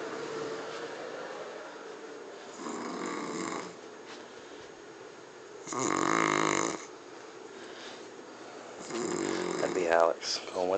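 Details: Adult man who passed out asleep before eating the dinner he cooked: three rough, rattling snores a few seconds apart, with room noise and brief background talk; snoring.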